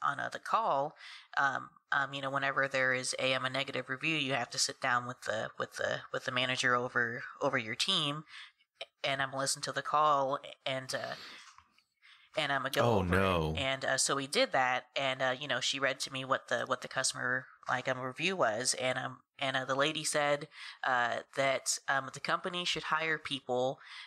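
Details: Adult woman who has stuttered since about age three; stuttering.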